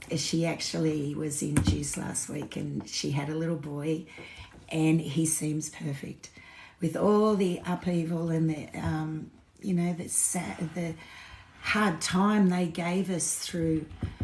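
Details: Woman with essential tremor; voice tremor worse than her usual today, which she attributes to alcohol withdrawal shakes on top of her essential tremor after two days of drinking.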